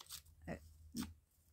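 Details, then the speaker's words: Ordinary stomach gurgling (borborygmi) from the speaker's own tummy around lunchtime while she is hungry: two short, low gurgling rumbles over a steady background hum. "Oops, there goes my tummy. Can you hear it? Gurgling away."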